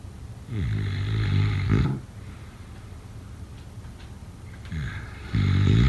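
Two loud, low, rattling rumbles on the in-breath, separated by a quiet pause of a few seconds: snoring during sleep.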